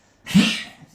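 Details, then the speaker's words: 14-year-old female dog, unwell and with a new lump on her leg, coughing repeatedly: a single short, harsh cough. "Oh, God, is she coughing again now? Come here, miss."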